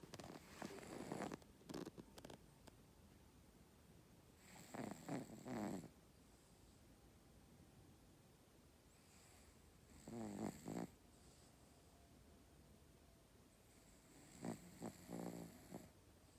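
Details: Soft, fluttering snoring during sleep, recorded in April before a later illness; four short bursts with quiet pauses, about 15 breaths a minute.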